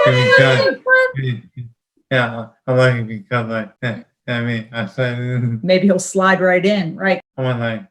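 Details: 31-year-old man with Broca's aphasia, apraxia of speech and dysarthria from a traumatic brain injury in a 2016 car accident, with word-finding difficulty; finding: aphasia with apraxia of speech and dysarthria.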